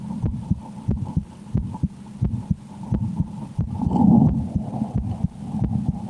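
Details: Steady lub-dub heartbeat at about 90 a minute, heard through a stethoscope with a low hum and brief rustling: the recorder's own heart while playing the horror game Slender: The 8 Pages, said to change with extreme fear; normal heart sounds.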